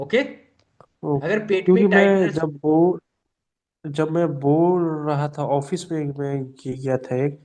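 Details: Speech of a man in a stammering course who reports blocks where his voice would not come out and prolongation would not help. Stammering.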